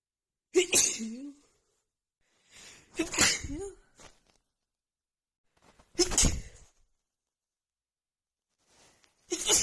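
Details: Sneezing fit from seasonal allergies flaring just before spring, recorded in the morning: four forceful sneezes in a quick series, each preceded by a sharp in-breath.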